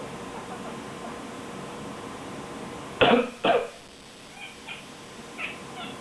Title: I coughed, bon bon complained?